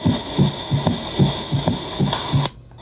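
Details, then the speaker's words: Simulated heartbeat from an auscultation practice app, about 73 a minute: a soft extra low sound after the second sound, a third heart sound (S3). "división del segundo sonido cardíaco y una división exagerada del sonido de ese 2 ah podemos escuchar el tercer sonido del corazón"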